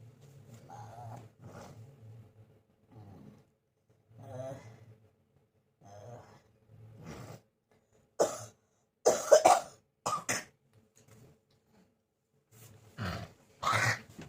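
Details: Several throaty, harsh, forceful coughs and throat clearings from an adult with a long-lasting cough, attributed to hot-cold weather changes, currently taking medicine; also reports back burning.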